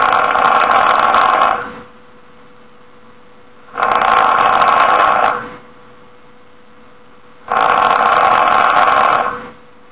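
Three long, rough, rasping snores about four seconds apart, with a steady low hum between them; loud snoring, about 16 breaths a minute.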